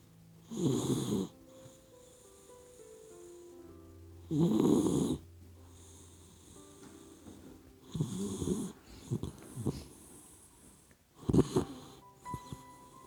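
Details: Four noisy, irregular snoring breaths, about 16 a minute, from a sleeping puppy dog, with background music; ordinary sleep snoring.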